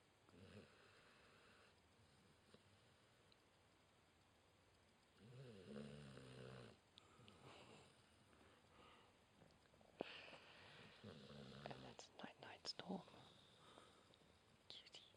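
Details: Female Border Collie/Dingo mix dog asleep in owner's arms, snoring: soft, low rumbling breaths repeating a few seconds apart in a quiet room.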